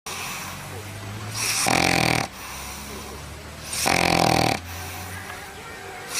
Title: My Dogs are Snoring